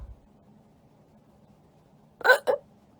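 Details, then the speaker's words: Adult on a livestream hiccuping a lot and trying to stop: a loud, sudden voiced hiccup followed closely by a second short catch in a quiet room. "I'm hiccuping a lot. I'm trying to get rid of the hiccups."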